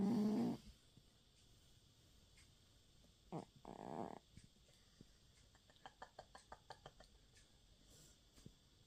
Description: Oscar the cat asleep on my lap on the couch, snoring and dreaming